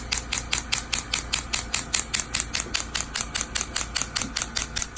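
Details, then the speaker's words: Steady, fast, sharp, regular tapping pulses: a shockwave therapy handpiece firing through acoustic gel around a young man's Achilles tendinitis after a PRP injection, started around the affected area and moved closer to the tendon. "very important the gel these are acoustic waves so the the gel helps transmit the waves here into the tissues"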